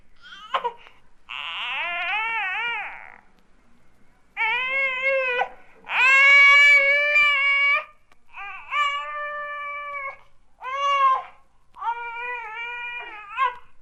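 An infant gives about seven short, strained, high-pitched cries and squeals in a row; normal straining vocalizations accompanying a bowel movement.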